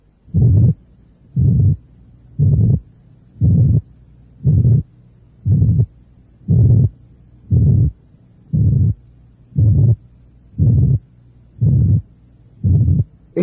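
Simulated low-pitched rumbling murmur: regular deep, rumbling bursts repeating about 58 times a minute, with near silence between them.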